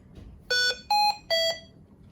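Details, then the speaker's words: Three loud electronic tones in sequence from a Hamilton ventilator: high-pressure alarm, meaning pressure is too high to deliver ventilation (e.g. suction need, pneumothorax, tube biting, pulmonary edema, kinked tubing). "First is the high pressure alarm. A high pressure alarm indicates that the pressure is too high to deliver the ventilation."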